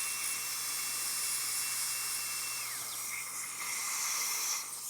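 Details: High-pitched steady whine of a dental high-speed drill, pitch shifting as the bur loads and unloads, cutting an anterior tooth for a conventional crown preparation in a patient with periodontal history.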